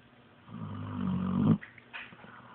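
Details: Pitbull dog asleep; one long, deep, rumbling snore rising in loudness then stopping abruptly, followed by quiet: snoring.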